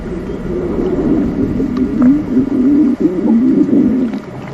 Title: Stomach growling